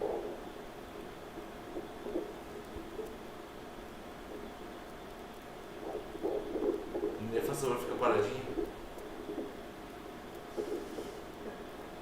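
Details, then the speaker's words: Fetal heartbeat on Doppler ultrasound at 13 weeks 3 days of pregnancy, probe at the ductus venosus: soft, rapid whooshing pulses at 151 beats per minute. "BEAT] That's the sound of the baby's heart. Heart rate is... one hundred and fifty-one beats per minute, 151."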